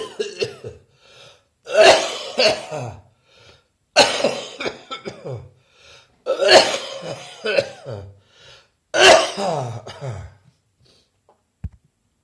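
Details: Four loud, harsh cough bouts with rattly throat clearing: wet, phlegm-producing productive cough.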